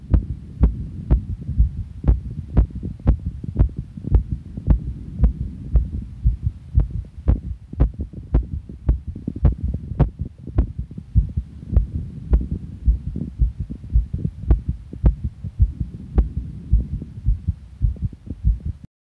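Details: Real heart sounds of the uploader, an adult, as strong, rapid low thumps around 110 beats a minute over a steady low hum.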